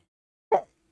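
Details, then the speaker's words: Adult during a recorded reading sneezes unexpectedly: a single short, sharp burst of air in a quiet room; an ordinary sneeze. "oh sorry I don't know where the sneezes are coming from but uh that seems like it just come out of nowhere"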